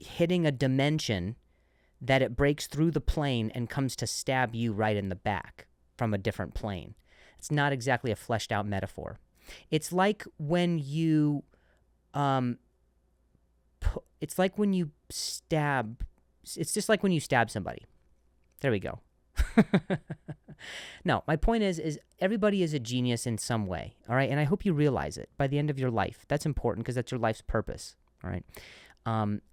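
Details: Adult male comedian who stutters and says he switched to a different word after stuttering; word repetitions; stuttering.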